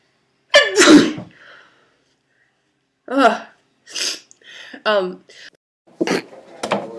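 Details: One forceful sneeze followed by a few brief spoken phrases; ordinary sneeze.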